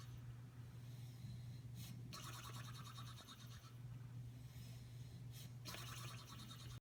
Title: Man snoring